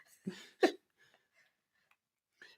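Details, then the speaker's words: Two quick, sharp nasal bursts followed by faint snuffles in a quiet room: a dog named Sassy sneezing, uncovered, recorded during a casual conversation about coronavirus. "Sassy, did you just sneeze? Didn't cover your mouth. You're not covering it."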